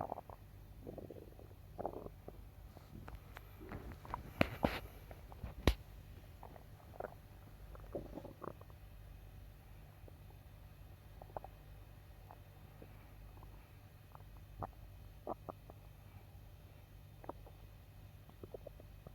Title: Bowel sounds after a meal #stomach